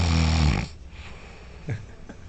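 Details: Roommate snoring at night: one loud, rough, rattling snore that ends abruptly, then quiet breathing with faint short snorts.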